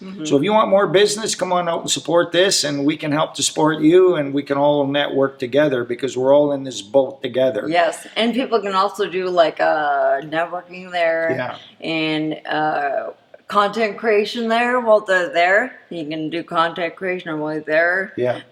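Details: Woman with spinocerebellar ataxia type 10 (SCA10), a degenerative cerebellar disease, who reports speech difficulty; ataxic dysarthria.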